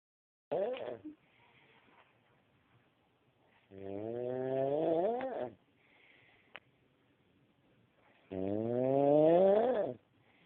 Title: Funny snoring man 1